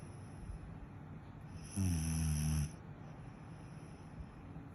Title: snore Zzz 😴